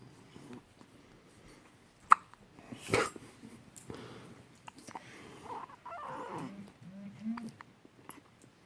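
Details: Hiccups in a 1-day-old newborn baby: two sudden, sharp hiccup sounds, then soft vocal noises and quiet room sound.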